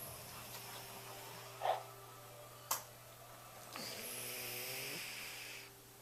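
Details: Adult woman asleep in bed, recorded by her husband: a single drawn-out snore on inhalation, steady hum and a couple of knocks in the room; snoring.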